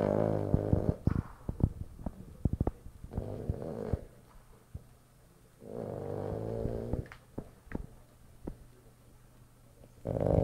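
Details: Boston terrier dog snoring while asleep: rattling, grunting snores on each breath with quiet pauses and clicking sounds.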